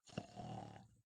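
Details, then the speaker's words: Simulated: an adult imitates a single snore, a brief low rough rattling grunt, while describing snorers with obstructive sleep apnoea who fall silent for seconds before snoring resumes. "después se queda unos segundos en silencio que los que están en la pieza van a mirar a ver si sigue roncando o si se murió"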